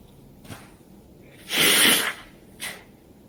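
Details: A short in-breath, then one forceful, hissing allergy sneeze and a softer breath, in a cold, dusty lab where there may be animal hairs, during an attack of at least 30 sneezes in one hour; cause uncertain.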